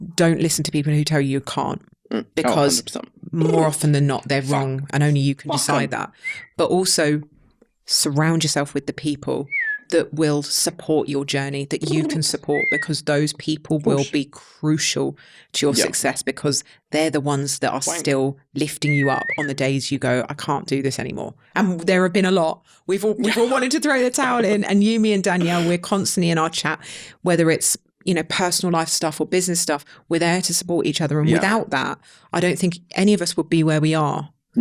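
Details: Adult man, 32, with Tourette syndrome acquired about seven years earlier, in his mid-20s, after a brain injury; occasional returning stammer; involuntary vocal tics including swearing, whistling and other interjections interrupt his speech; Tourette syndrome vocal tics.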